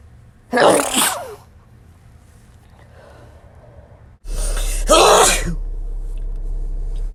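Two loud, sharp bursts of air, each with a short in-breath before it, over a quiet room hum: two sneezes.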